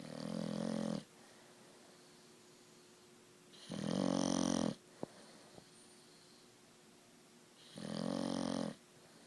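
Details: Bulldog napping: three long, rough, buzzing snores about every four seconds, roughly 15 a minute, with quiet pauses between, in a quiet room; ordinary snoring.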